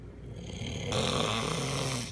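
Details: Husband sleeping, snoring loud enough to keep his wife awake: one loud, rough, rattling breath with a harsh snorting edge; heavy snoring.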